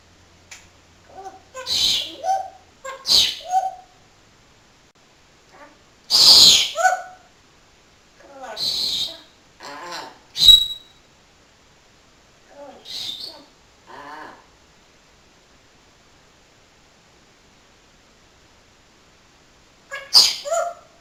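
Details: A talking parrot gives short, sharp sneeze bursts among chirpy, speech-like calls; after sneezing he now says 'bless you'.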